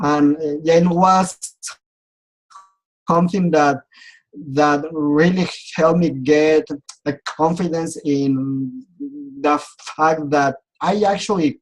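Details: Adult man who has stuttered since age 4 and says he still clearly stutters; speech therapy and support groups helped him; stuttering.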